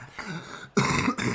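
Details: Two harsh, raspy throat-clearing bursts from an adult who describes a raspy throat and a bad cough; throat clearing.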